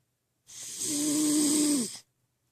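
A single long noisy breath with a steady buzzing tone through its middle, fitting a snore.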